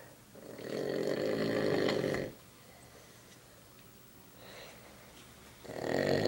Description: My uncle is snoring